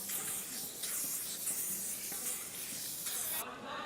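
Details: Bursts of hissing aerosol spray with faint room noise during a medical timeout for a badminton player's right hamstring injury at an Uber Cup final match.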